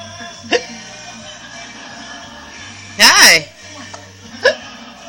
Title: Baby has the hiccups